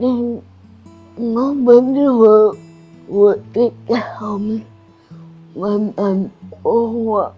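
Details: Adult woman with cerebral palsy and restricted movements; dysarthria (slurred speech) in cerebral palsy.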